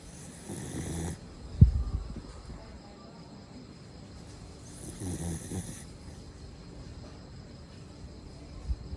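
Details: Dog snoring while relaxing: soft, low snorting snores on two breaths about four seconds apart, roughly 14 a minute, over quiet room noise.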